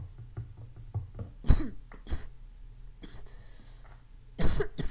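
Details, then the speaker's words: An 11-year-old with asthma, recording while playing a game: a few short, dry cough bursts with some throat clearing against faint game sounds; cough in asthma. "Excuse me, I have asthma, so you might hear me cough. I got asthma."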